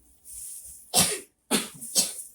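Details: Child with acute respiratory infection (ISPA) doing effective cough training in a clinical skills session: an in-breath, then three quick, forceful, deliberate breathy coughs to bring up phlegm.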